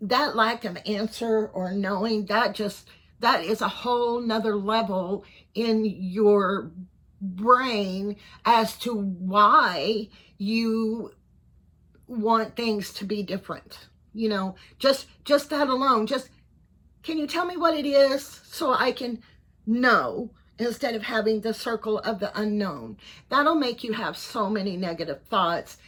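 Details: 55-year-old man, neurologist unsure if Parkinson's disease, cervical dystonia or both; tremor in voice, head and hands since about January 2024, worsening; on carbidopa-levodopa and neck Botox injections; finding: voice tremor.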